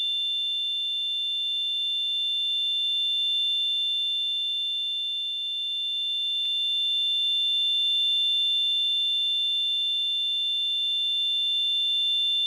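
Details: Simulated tinnitus: a steady high-pitched ringing tone throughout, representing what the person with tinnitus hears.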